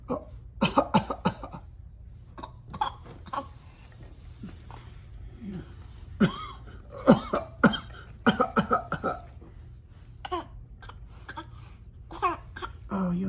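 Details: Adult coughing with repeated short coughs and throat clearing in clusters with quiet pauses, after saying something was stuck in the throat.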